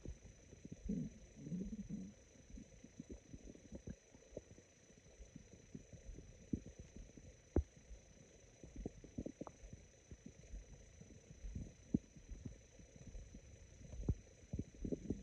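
Quiet, sparse gurgles and raspy crackling pops scattered over a faint hum; normal stomach growling.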